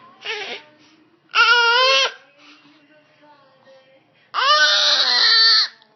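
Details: Baby during a long run of sneezes, with one seemingly stuck: three loud, tonal infant cry or yell bursts with quiet pauses between them; infant cry.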